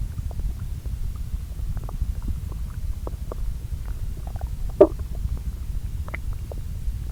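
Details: Bowel sounds recorded from two lower intestine areas, overlaid: low continuous gurgling with scattered soft clicks and one louder squelch; quiet, normal churning borborygmi.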